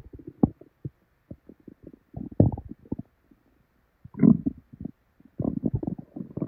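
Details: Loud irregular gurgling and rumbling bursts with short gaps from a woman's belly: hyperactive bowel sounds after probably expired milk, with very bad diarrhea following.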